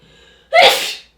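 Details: Woman's single sneeze: a quiet breath in, then one sharp, forceful sneeze trailing off over half a second.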